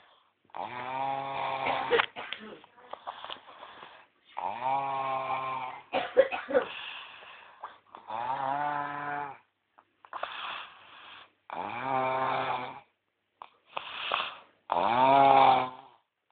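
Loud, droning, buzzing snores on each breath in, about eight cycles with short pauses; typical heavy snoring from vibrating throat tissue.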